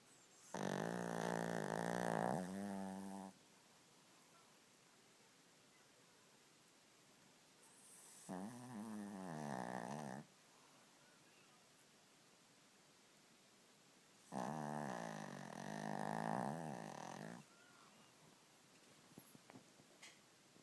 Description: Skipper, our 2y/o cavalier king charles having a snorefest.